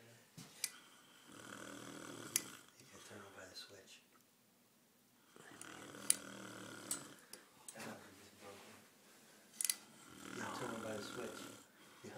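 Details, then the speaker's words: Man snoring loudly: loud, rough, vibrating breathing sounds in long bursts with pauses between, in a small room; snoring. "my intro intro you see right now you snore every night"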